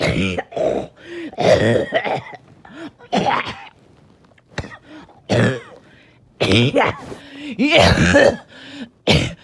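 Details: Evening coughing fit that came on suddenly with difficulty breathing after oxygen levels were good all day: repeated harsh cough bursts and throat clearing with gasping breaths between.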